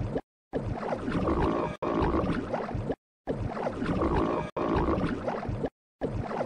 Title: stomach growling